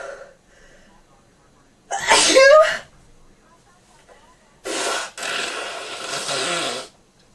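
Two loud explosive sneezes with a vocal burst, separated by quiet breathing; repeated sneezing with a cold.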